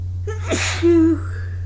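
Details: After early-morning running in cold air, a quick in-breath then one explosive sneeze ending in a short voiced tail; a single ordinary sneeze.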